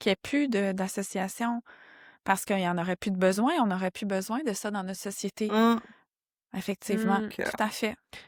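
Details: Adult woman speaking French; no speech disorder.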